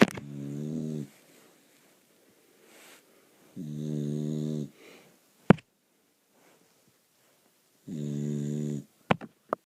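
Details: Dog snoring loudly while asleep: buzzing, rattling snores about every four seconds with quiet pauses between them.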